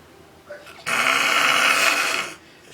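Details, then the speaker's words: Snoring from an adult male cousin passed out drunk after drinking liquor: a single loud, harsh, rasping snore breath about one and a half seconds long. "Snoring like a motherfucker. He gonna wake up the whole house. The whole block. The whole city."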